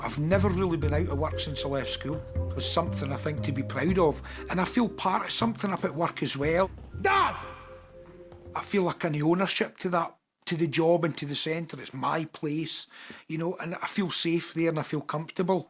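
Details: Adult man with severe Tourette syndrome, speaking with involuntary vocal tics such as shouted words possible mid-speech; the condition causes violent body movements and outbursts including obscene language; vocal tic (Tourette syndrome).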